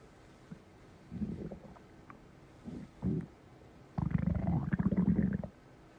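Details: Stomach growling recorded up close: low rumbling gurgles in short bursts, then a longer bubbling growl; ordinary borborygmi from gas and fluid moving through the gut.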